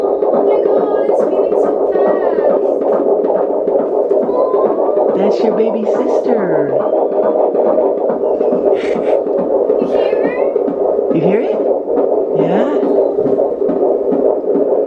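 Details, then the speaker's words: Doppler at 20 weeks pregnant, baby girl: rapid whooshing fetal heartbeat with steady hum and talk over it; mother remarks it sounds fast. "As a parent, it's always a good feeling to hear your baby's heartbeat. Even though my baby sounds kind of crazy, she in there breathing fast."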